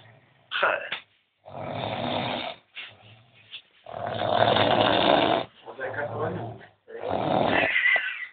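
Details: Person sleeping after heavy drinking, snoring loudly: harsh, irregular rattling snores on each breath with short gaps between breaths; heavy snoring.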